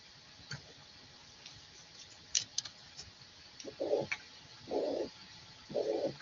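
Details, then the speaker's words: Mitral regurgitation: three blowing, mid-pitched systolic murmur bursts roughly once a second over faint hiss and clicks. "Ahí van a escuchar un soplo de insuficiencia mitral que quisiera que lo escuchen bien."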